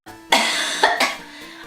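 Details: Girl who got really sick coughing: two to three sharp, harsh cough bursts in quick succession, with faint background music.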